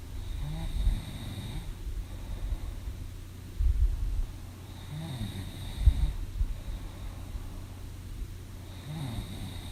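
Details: Snoring sound effect: deep, rattling, low-pitched snores recur with each breath, about 14 to 15 per minute, over a steady low background hum.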